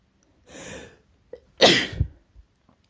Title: Male sneezes induced